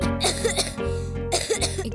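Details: Acted coughing in a cough-syrup advertisement: two harsh coughing bursts from a child over steady background music; a simple cough.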